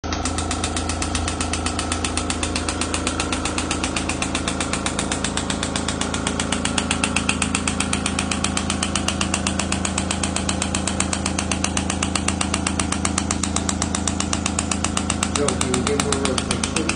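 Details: Shockwave therapy to the deep stabilizing muscles of the thoracic spine for chronic mid-back pain of over 6 months, patient held laterally flexed and rotated: loud, steady rapid mechanical tapping at about two pulses a second with a constant low hum.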